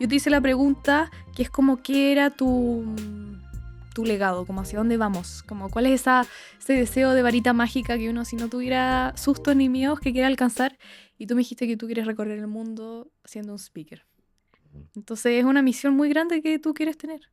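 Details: Adult woman speaking; typical speech.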